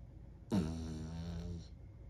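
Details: Small dog sleeping on his back: a single soft, buzzing snore about a second long against quiet room noise; gentle snoring in sleep.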